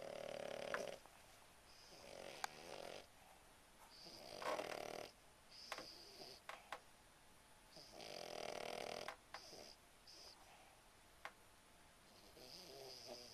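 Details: Puggle dog snoring loudly during a Saturday afternoon nap.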